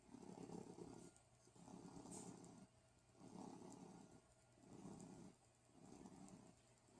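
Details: Low rumbling snores with each breath, about five in seven seconds, roughly 45 a minute; snoring.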